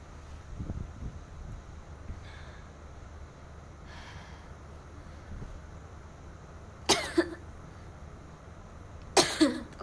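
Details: Korean young woman gives two short, sharp coughs against low, steady room noise; cough.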